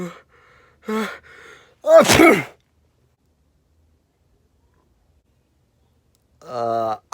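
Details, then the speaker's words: Acted comedy sketch, not a real event: short voiced build-up gasps, then one loud explosive sneeze, silence and a brief voiced sound; the sneezer complains no one said bless you. Sneezing. "aren't you forgetting something i don't think so i sneezed and you're supposed to say bless you"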